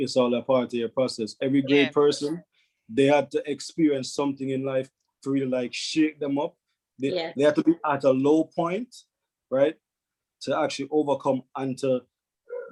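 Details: Adult man speaking; Normal speech.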